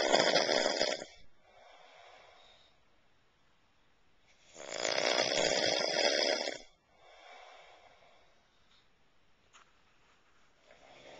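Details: A man recorded snoring at night: two loud, harsh, rattling snores on breathing in, each followed by a softer breath out, about 13 breaths a minute; he is urged to sleep on his side; snoring.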